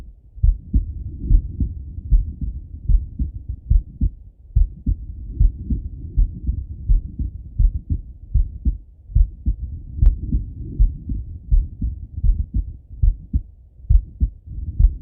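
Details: Male lying on left side, stethoscope heart auscultation: low, muffled thumping beats, around 74 a minute, with some rubbing noise; ordinary heart sounds.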